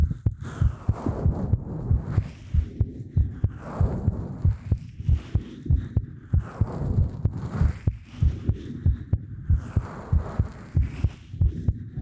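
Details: Heartbeat sound in an ASMR recording made with a 3Dio Pro binaural microphone: regular low thumping beats at roughly 90 a minute with faint room hum.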